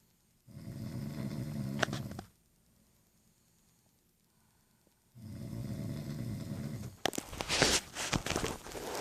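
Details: Family member snoring loudly in the middle of the night: two deep, rattling inspiratory snores with silent pauses, the second ending in a harsher snort.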